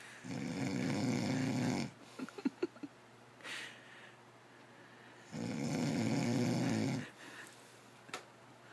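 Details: Two long, low, rattling snores about three and a half seconds apart, with quiet breathing and small clicks between them; ordinary snoring during sleep.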